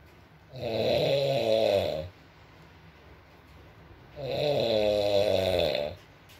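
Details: Sleeping adult man: two long, buzzing, droning snores about four seconds apart with a quiet pause between, over soft room and rain noise in an ASMR recording; snoring.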